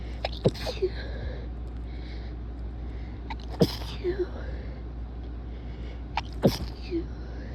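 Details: Three stifled, muffled sneezes a few seconds apart, each a sharp suppressed burst with a brief breath before it, over a steady low background hum; nose blows also recorded.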